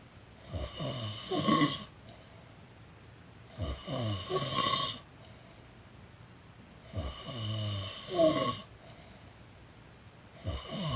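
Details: A person snoring while napping: rhythmic rattling snores on each in-breath, about 19 breaths a minute, with quiet pauses; ordinary snoring.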